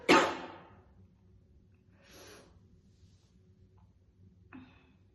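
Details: Woman chain-smoking two cigarettes, dangling them hands-free: one sharp, forceful cough, then quieter breathy sounds and a short throat noise; a smoker's cough.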